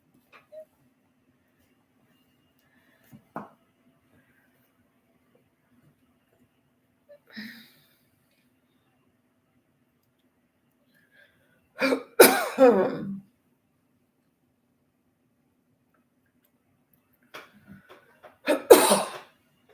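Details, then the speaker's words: An adult gives two short, harsh bouts of dry, unproductive coughing in a quiet room. "for some reason I've got a dry cough"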